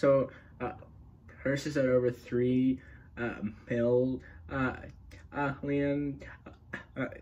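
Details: Adult male speaker; stuttering.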